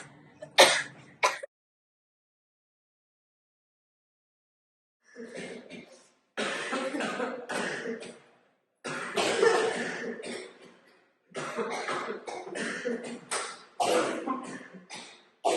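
Acted bursts of coughing and throat clearing from an adult imitating an upper respiratory infection.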